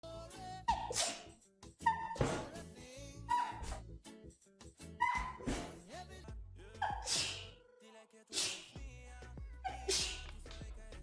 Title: The Best Sneeze Compilation Ever